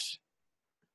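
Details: Demonstrated (acted) overly strong, forceful F sound, as may occur in speech disorders from neurological damage with abnormal muscle activity; overly forceful fricative articulation.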